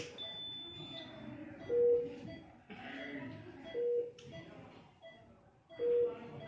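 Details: Three short, steady mid-pitched beeps about two seconds apart: a ventilator's normal start-up alarm on power-on, with parameters preset for a 60 kg male, in a teaching demonstration.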